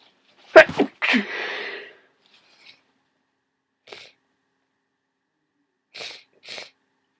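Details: Worsening head cold: one loud sneeze followed by a long exhaled rush, then a few soft sniffs; sneezing and sniffling.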